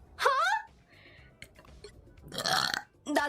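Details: Female VTuber burping: a short voiced burp with a falling-rising pitch, then a rougher, noisier second burp.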